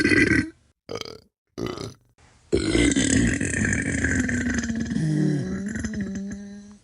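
Several loud, low, gurgling belches, the last one long and drawn out, with short pauses between them; burping (eructation) from a sound-effect pack.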